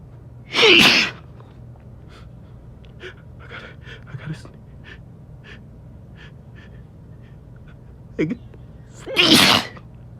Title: I Gotta Sneeze